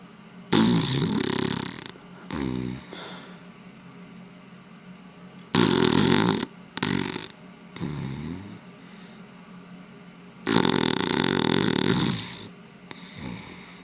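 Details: Loud, rough snores from a sleeping female beagle, long rattling breaths in followed by shorter puffing breaths out; dog snoring.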